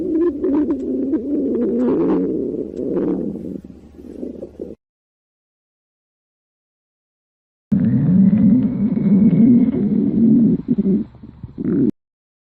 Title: Stomach growling #2